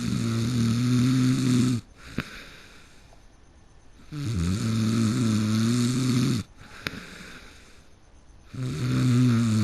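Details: Person who fell asleep mid-game: loud, low, buzzing snores on each breath, about 14 a minute, with quieter breathing between; heavy snoring.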